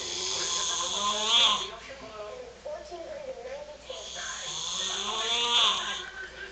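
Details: Adult man (a father) asleep: two long, heavy, rasping breaths with a buzzing, whistling quality over room hiss: loud snoring.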